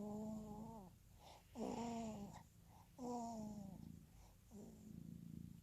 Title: Newborn snoring and cat purring